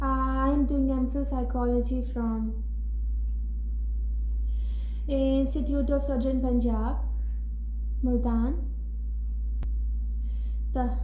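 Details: Adult woman, self-described severe stammerer who says she now largely controls it with techniques and self-help sessions but still stammers at times; stuttering with silent blocks.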